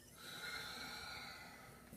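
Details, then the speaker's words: Simulated EMT patient assessment, adult male on 15 L/min oxygen via non-rebreather, auscultated during deep breaths in and out: clear lungs, normal breath sounds. "He seems to have clear lungs."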